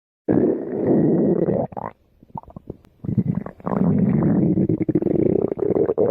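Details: Stomach growling after overeating: loud, long rumbling and gurgling from the abdomen with a short break of bubbly pops; ordinary bowel sounds (borborygmi).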